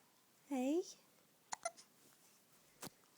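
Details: 1-month-old newborn baby boy with hiccups: a brief infant vocal sound, then a few short, sharp catching sounds in a quiet room.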